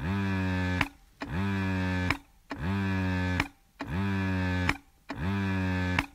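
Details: Electric breast pump running steadily: regular cycles of a low motor hum broken by brief clicks, about 47 cycles a minute.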